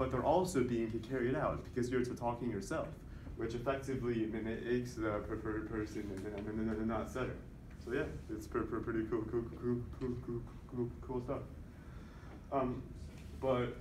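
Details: Voluntary (fake) stuttering deliberately produced throughout a stuttering presentation by a male speaker who stutters, counting his fake stutters with a tally counter to assess his progress.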